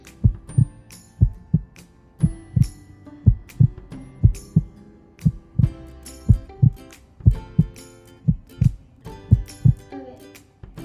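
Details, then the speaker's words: Strong paired thuds in a steady rhythm, about 80 a minute, with light background music: a father's resting heartbeat, seated, heard through a homemade cardboard-tube stethoscope on the left chest by a third-grader. "Okay. I was listening to my dad's heartbeat and I heard some heart beating. And then, since my dad has been sitting in this chair for some time, this is what his resting heart rate sounds like."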